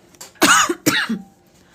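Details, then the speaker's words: Two short, dry coughs from a pregnant adult woman with a lingering cough that has lasted a very long time and no longer hurts. "Oh, Alex, I've had this cough forever. I feel like it's gotten to the point where it just sounds fake now. It just won't go away."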